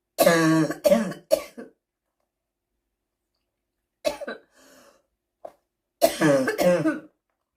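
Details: Adult with a seasonal smoker's cough: harsh, rough coughs in two clusters separated by a pause.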